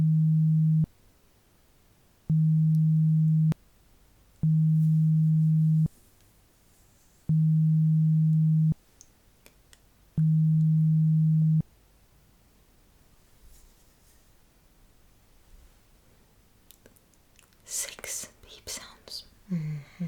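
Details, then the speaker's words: Simulated pure-tone audiometry beeps in an ASMR ear-exam roleplay hearing test, beep-counting task: five steady low beeps over a second each with short gaps, then faint rustling and whispers. "Okay, now please count the amount of beep sounds that you hear."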